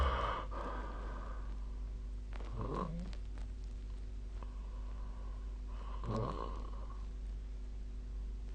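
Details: Adult sleep snoring recorded with the SnoreLab phone app: two soft, low snores about three seconds apart over a steady background hum.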